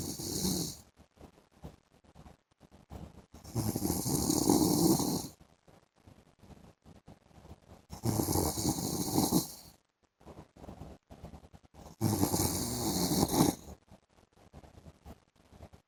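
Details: Adult man (husband) snoring in the afternoon: loud rattling snores on each in-breath, about four in 16 seconds, quieter breathing between; heavy snoring.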